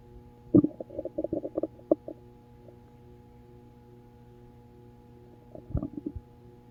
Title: Hope you guys didn't hear My Stomach growling